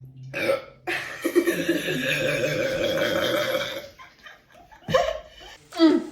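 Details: Burping during a Sprite-drinking challenge: a long, loud, rumbling belch, then shorter burps and laughter-like sounds.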